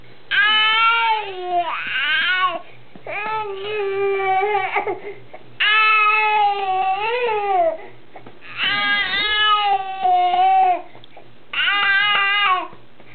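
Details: Baby crying during burping for stomach gas: about five loud cry bursts with pauses between, in a quiet room, while being patted to bring up wind.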